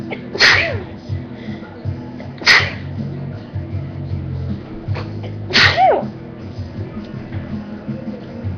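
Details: Woman sneezing, reportedly 8 times in a row: three sharp, explosive sneezes in quick succession over faint background music; repeated sneezing.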